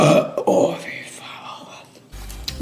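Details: Woman belching: a loud, drawn-out voiced belch with a rough, gurgling quality lasting about two seconds; ordinary burping.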